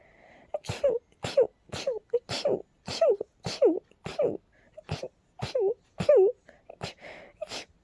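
About a dozen quick sneezes in rapid succession, each a sharp burst with a voiced tail: a sneezing fit.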